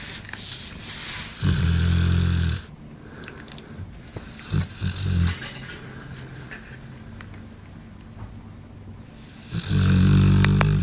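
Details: 1-year-old bullmastiff snoring while asleep in his bench: loud, low rumbling snores, three in about eleven seconds, with quiet hissy breathing between them.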